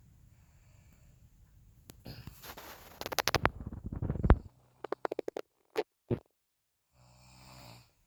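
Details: Own snoring: a rough, fluttering snore on an in-breath, then sharp clicking camera handling noises and a softer breath at the end.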